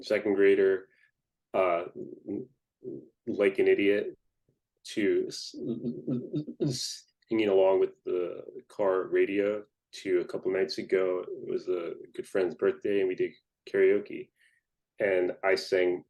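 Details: Adult man who stutters, speaking in a podcast interview: stuttering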